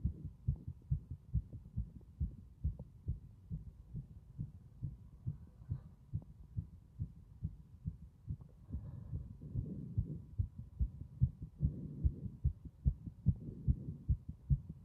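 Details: Strong, regular heartbeat with loud thumping beats throughout, about 70 beats per minute, faint low background hum; heart sounds strong throughout.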